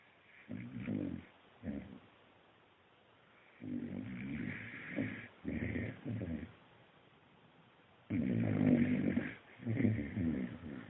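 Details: Akita dog named Hachi asleep after a hard day of tail chasing: deep, rumbling snores in uneven bursts with quiet pauses between breaths; ordinary snoring.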